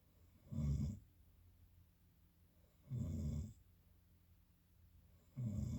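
Low, rumbling snores repeat every two to three seconds over quiet room noise; ordinary snoring.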